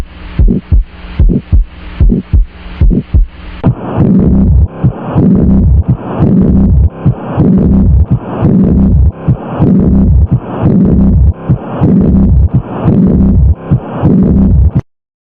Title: #youtubeshorts #viralshorts2025 ##heartsounds cardiovascuoar system.